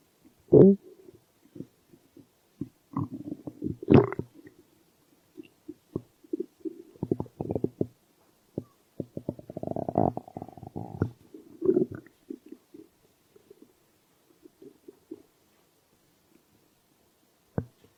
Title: Stomach growl